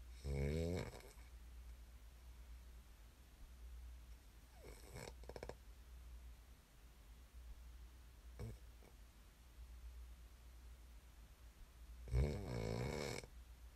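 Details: ASMR snoring recording made for listening to fall asleep: three loud rattling snores during sleep, separated by long quiet gaps with faint breathing, over a steady low hum.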